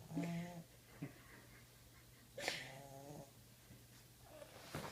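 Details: Sleeping Boston Terrier puppy snoring: soft, quiet snorts and whistling breaths repeating at an uneven pace.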